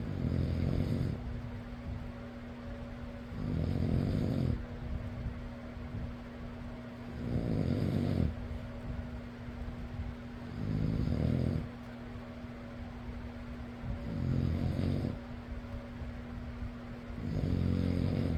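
Loud rattling snores roughly every 3.5 seconds, about 17 a minute, over a steady fan hum: snoring.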